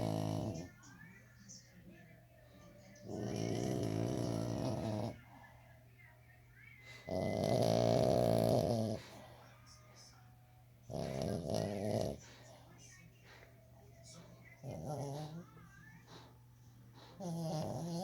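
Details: French Bulldog asleep: loud, rough snoring breaths, about five to six over eighteen seconds, with quieter breathing between.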